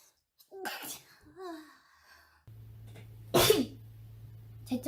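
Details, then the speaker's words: Short speech and an indrawn breath, then one loud, explosive, ordinary sneeze over a faint background hum. "I have to sneeze. Does anyone else sneeze when they look?"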